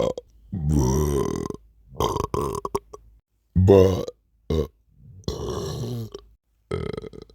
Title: sleepy burps